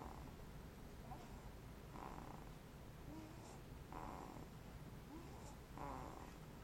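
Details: Snoring during sleep: soft, rough snoring breaths about every two seconds, faint beneath a steady background hiss.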